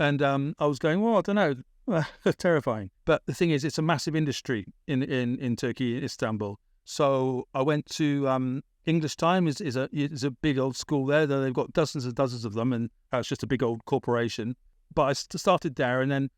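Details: Adult British man, born 1975, with a persistent stammer that was a big issue around age 28–29; he had speech therapy in Britain after his Masters; stammering.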